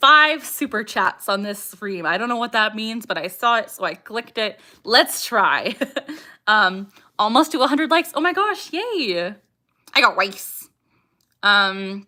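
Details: Young woman with Tourette syndrome, vocal tics saying "I got rice", "ha" and barking; tics increase with anxiety or excitement and during livestreams; vocal tic.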